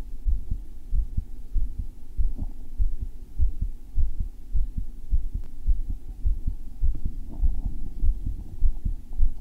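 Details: Male's own heart recorded when it felt thumpy, rate checked with an Apple Watch ECG app: strong, regular low thumps of a forceful, pounding heartbeat, about 100 a minute, over a faint steady hum.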